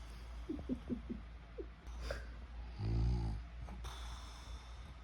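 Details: Sleeping dog: a low, rumbling snore preceded by a few snuffles and small squeaks; snoring.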